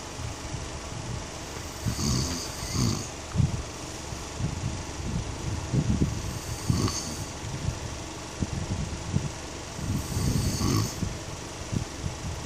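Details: Husband snoring: low, rumbling snores repeating about every four seconds over steady room noise; snoring.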